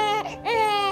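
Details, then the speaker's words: Brief high-pitched wailing cry with a short catch in the middle from a baby; normal developmental crying (Period of PURPLE Crying). "you go through this checklist in your head you know every day just trying to figure out how you can get your your baby to stop crying and soothe your baby"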